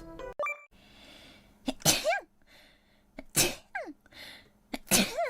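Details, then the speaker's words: Sneezing: after saying a sneeze is coming, three sharp, explosive sneezes, each with a sudden hissing burst and brief voiced tail; faint background hum. "待って。くしゃみでそう。"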